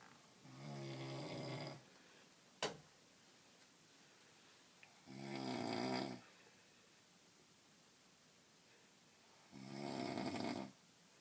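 Three rattling, buzzing inward snores about every 4 to 5 seconds with quiet pauses between; ordinary snoring at about 13 breaths a minute.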